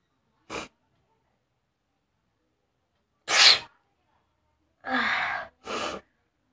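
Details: Sneezing challenge: several short, explosive bursts of air separated by quiet; a run of about four sneezes or sneeze-like blasts.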